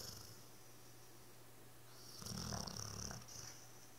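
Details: Sleeping one snoring like a piggy: a short, grunting, snorting snore over room hiss; snoring during sleep.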